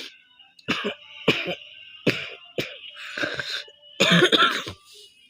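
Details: Five or six harsh coughs in a row, some with throat clearing, then a longer burst; a real persistent cough during a cold, recorded for a long cough challenge.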